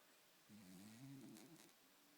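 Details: One soft, wavering, whistly snore on a breath over faint hiss while sleeping; light snoring.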